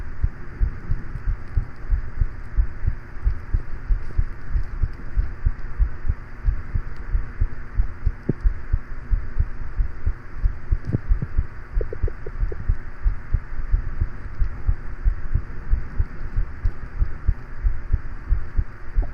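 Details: Normal heart sounds recorded as steady, low heartbeat thumps at roughly 90 a minute, under a constant background fan hum and scattered random noise.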